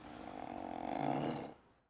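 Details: Sleeping person snoring: one loud, rattling, vibrating snore building and fading over about one and a half seconds.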